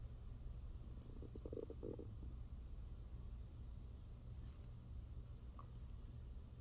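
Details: Stomach growling recorded close to the belly during hunger and digestion: low, steady rumbling with a brief burst of bubbly gurgles near the start, ordinary borborygmi.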